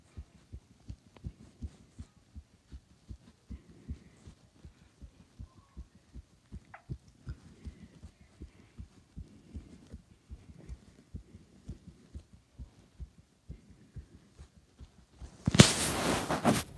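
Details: Steady, quick, regular heartbeat after jumping exercise, ending in a loud burst of handling noise.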